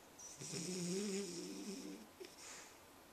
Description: Annie snoring, a sign of stress-free living. :)